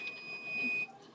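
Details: Brief high-pitched electronic beep of an IV infusion pump as the door is opened with the line unclamped and fluid flowing freely, then closed to occlude it, in a veterinary assistant training demo.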